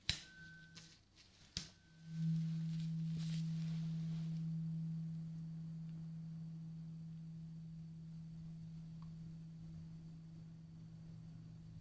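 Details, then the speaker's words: A few taps, then a steady low pure tone from a struck tuning fork slowly fading, switching to the other side; simulated hearing check in an ASMR medical exam roleplay. "Now I have a tuning fork and you are just going to tell me when the sound stops."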